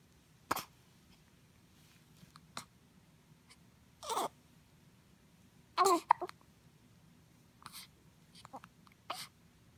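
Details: Person with hiccups: short, sudden breath catches with a gulping sound, about six in ten seconds, in a quiet room; hiccups.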